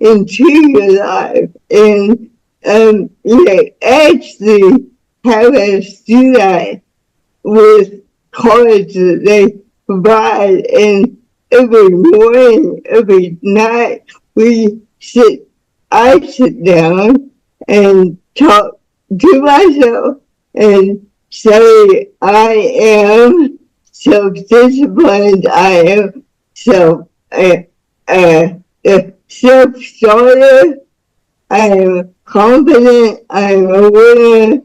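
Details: Woman about to turn 49 with cerebral palsy since birth (umbilical cord around her neck five times; doctors said she would never walk or talk), with spasticity; speech disorder not named; dysarthric speech in cerebral palsy.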